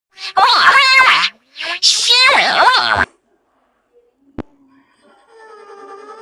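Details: Two loud, explosive sneezes, each preceded by a drawn-in breath, then quiet room noise; sneezing.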